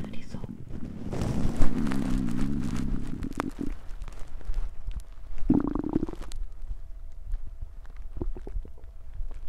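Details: Woman's hungry belly: two bursts of low gurgling rumbles with a brief squeaky tone between; stomach growling (borborygmi) from hunger.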